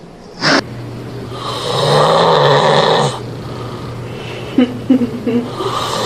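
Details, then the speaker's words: One long, loud, harsh inspiratory snore with a low rattling buzz, then a few short snorting bursts: loud snoring. "Nah ini ada beberapa macam nih dok, suara dengkuran. Mungkin kita bisa dengarkan dulu."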